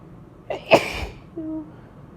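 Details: Adult sick for about a week and a half with a blocked, tickly nose and sinus pressure (suspects sinus infection), deliberately inducing a sneeze: short indrawn breath, one sharp explosive sneeze, brief voiced sound after.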